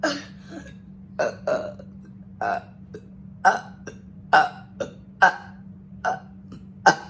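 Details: Voluntary burps on command during a one-minute burping challenge (about 55 counted): a run of short, repeated burps, roughly one a second, over a steady background hum; burping.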